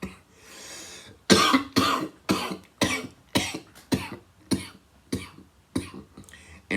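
An audible in-breath, then a run of about ten sharp, dry coughs in quick succession.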